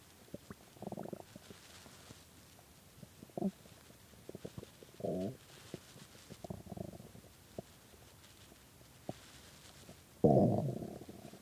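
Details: Hunger stomach growling (borborygmi) at 3 a.m. after skipping lunch and dinner: quiet background with scattered clicks and several louder gurgling growls, the biggest near the end.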